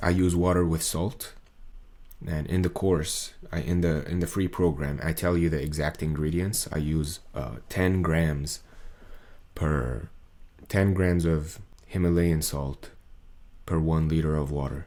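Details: Adult male's recording from before 2023, with muscle tension dysphonia diagnosed by an ENT via laryngoscopy around late 2022; he calls it strained, as if forcing, and says a 40-second video took about 45 minutes to record; muscle tension dysphonia.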